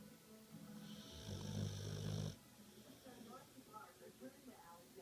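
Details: One loud, low, rumbling snore on an in-breath, then quieter breathing with faint background sounds; snoring.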